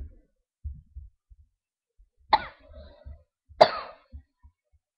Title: Peace to All:Coughs